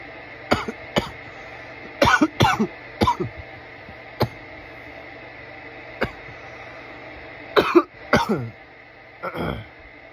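Repeated harsh cough bursts in several short fits, about a dozen coughs; an irritant cough triggered by inhaled smoke.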